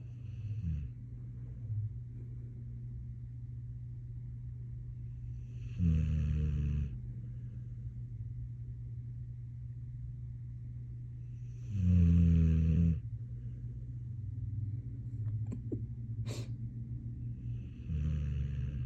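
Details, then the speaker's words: Snoring puppy: low rumbling snores, one with each breath, about 10 a minute, over a steady low hum. "Yep, that's my dog snoring, y'all."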